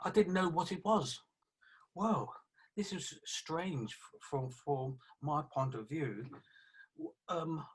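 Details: Aphasia affecting communication in a 48-year-old man after a stroke about three years earlier, improved over those three years.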